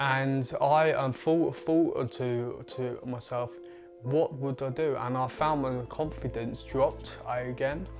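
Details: 20-year-old man with a stammer that began around age eight, who gritted his teeth when speaking as a child; stuttering (stammer).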